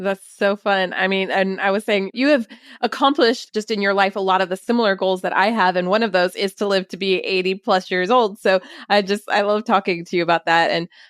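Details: Adult woman speaking; Typical speech.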